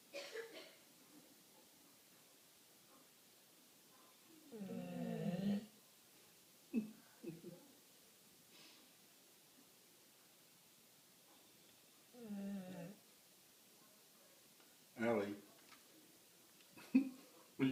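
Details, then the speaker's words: Sleeping dog Allie, passed out, gives slow, rumbling snores on its breaths separated by long quiet gaps. "Were you snoring?"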